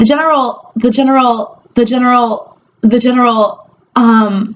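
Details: Stuttering with phrase and word repetitions from a woman who is a speech therapist and describes herself as a person who stutters.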